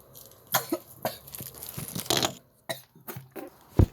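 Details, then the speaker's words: A child gives a run of sharp, harsh coughs after water went down the throat too fast; choking cough after aspirating liquid. "You know how like you drink water and you like do that, and then the water just goes down your throat so fast. I hate when that does that. It makes me cough."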